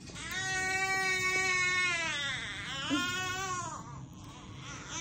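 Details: A strong, clear, high-pitched newborn girl's cry in a few sustained wails shortly after her birth on her due date, a second baby: a normal, vigorous cry.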